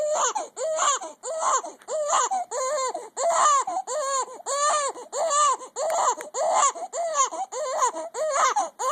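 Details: Infant with hiccups again, angry: steady rhythmic crying, about 14 short wails in nine seconds, roughly 95 a minute; an ordinary infant cry.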